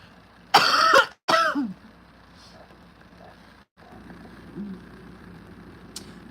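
Two harsh, noisy cough bursts from an adult, ending in a throat-clearing rasp, over quiet room noise.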